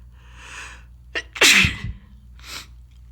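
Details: Person with a bad head cold: a quick inhaled catch, then one loud explosive sneeze and a softer exhale; a single sneeze.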